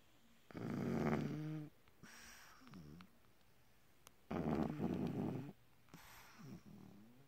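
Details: Two loud rattling snores, each followed by softer wheezy, whistling breath sounds on the out-breath; snoring.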